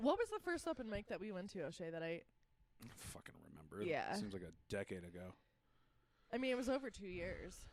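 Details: Adults in casual conversation; no speech disorder.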